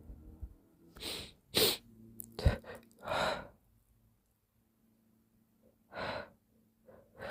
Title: Very wet sneezes and gentle moans ~ #sneeze #sneezing #snz #wetsneeze